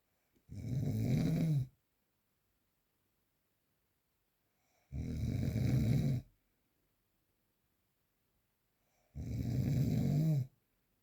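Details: Real, unprocessed recording of snoring during sleep: three loud, rough, low-pitched snores on in-breaths, about 14 a minute, separated by silence.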